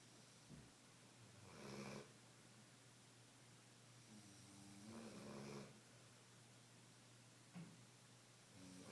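Two slow, soft snoring breaths over steady room hiss, roughly every four seconds; quiet snoring during sleep.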